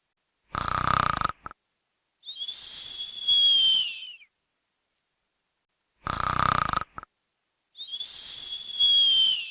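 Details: Snoring noise recording: sounds of snoring during sleep.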